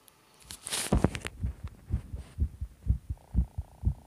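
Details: Fast, strong, regular heartbeat thumps at about 125 beats a minute after a brief rustle at the start; a pounding, rapid heartbeat.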